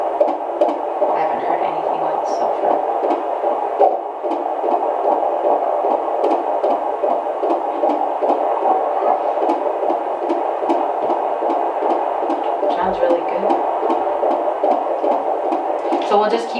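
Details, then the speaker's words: Normal fetal heart tones on Doppler at a midwife prenatal visit, pregnancy with high amniotic fluid: regular beats with an occasional skip, a late (premature) heart contraction that appears to be resolving. "I think it's already resolving cuz we didn't hear it last time. We just heard one system this time. Yeah, I'm not hearing anything. It sounds really good."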